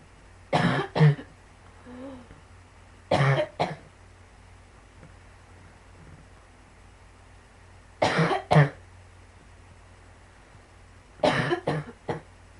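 Four bouts of dry, harsh double or triple coughs; persistent cough of lung sarcoidosis.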